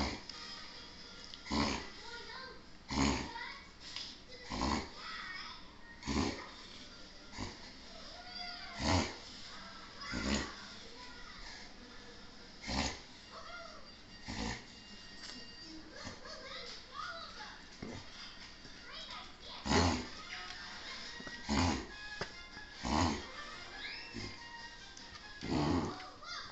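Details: Dog (Eva) in a long reverse sneezing episode: repeated loud snorting inhalations about every one to two seconds.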